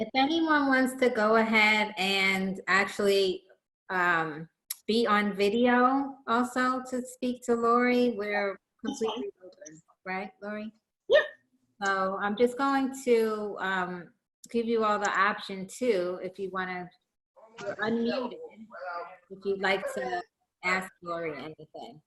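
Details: Adult woman speaking; typical speech.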